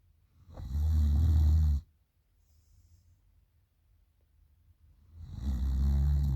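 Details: Female sleeper snoring loudly at night: deep, rumbling snores on each in-breath, with quiet pauses of several seconds between them.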